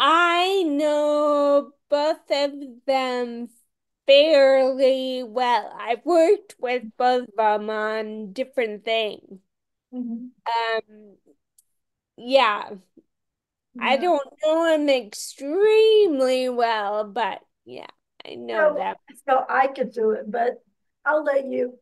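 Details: Ataxic dysarthria in a woman with Friedreich's ataxia, a rare, genetic, progressive disease diagnosed around age 16 in 1990 and genetically confirmed around 1999-2000; she reports longstanding voice issues.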